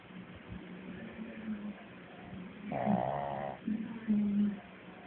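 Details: A female dog, said to snore louder than the owner's dad, asleep: irregular rough snorting breaths with a few louder snore bursts; snoring.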